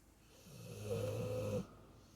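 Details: A big female dog snoring loudly in her sleep: a single long, low, rumbling snore in a quiet room.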